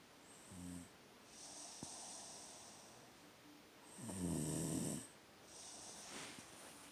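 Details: Snoring: two loud, rough, rattling snores on breathing in, with softer airy breaths out between them, from a sleeping sister, over a faint room hiss.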